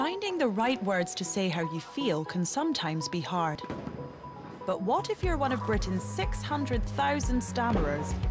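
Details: Adult narrator; typical speech.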